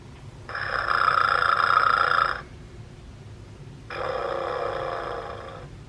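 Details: Vintage sonic teddy bear toy imitating snoring: two long, buzzy electronic snore sounds with a pause between; mechanical, not a real sleeper.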